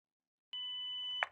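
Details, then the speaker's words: ZOLL AED Plus training demonstration in a simulated cardiac arrest rescue: a steady high electronic warning tone ending in a click just before the shock, after the prompt to ensure no one touches the person; AED shock warning tone. "If a shock is needed, be sure that no one is touching the person."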